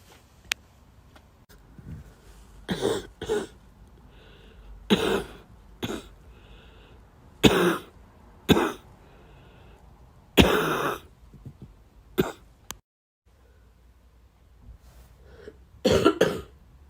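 Repeated short coughs, often in pairs, about a dozen over seventeen seconds, with light room noise between.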